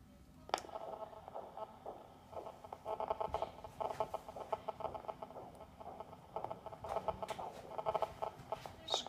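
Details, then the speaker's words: Doppler arterial pulse in a cat sedated with medetomidine, during blood pressure measurement with the cuff just below the elbow: rhythmic whooshing pulse sounds over hiss; the pulse disappears and returns at about 70. "pulse is disappearing about 70 and lo and behold he's coming back about 70."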